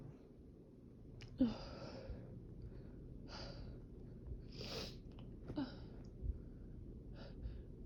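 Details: A productive sneezing fit described as violent: several sharp, explosive sneezes in quick succession with brief breaths between them. Sneezing.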